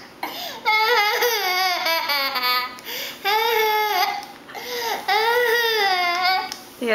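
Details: An infant laughing with the hiccups, making loud, wavering, cry-like wails in a small room, with voices near the end.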